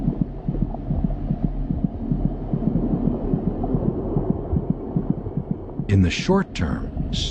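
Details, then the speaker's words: Fetal heartbeat: rapid, muffled, whooshing thumps at about twice the mother's rate, ending in a brief high whistle; fetal tachycardia. "the baby's heart beats about twice as fast as her mother's monitoring her heartbeat gives a good indication of her General condition"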